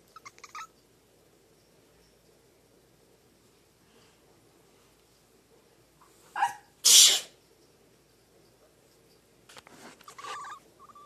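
One loud, explosive sneeze with a brief intake just before it, then a short animal vocalization in a quiet room.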